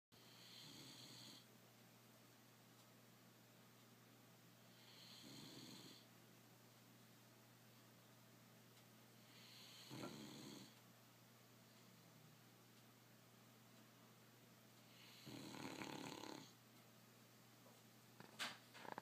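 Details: Four slow, rough, rattling breaths about every five seconds, roughly 13 a minute, during sleep; owner unsure whether it is tooting or snoring. Snoring.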